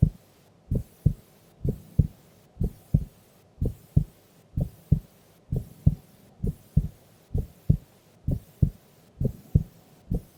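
Clear, regular lub-dub heartbeat, about 64 beats a minute, during sleep.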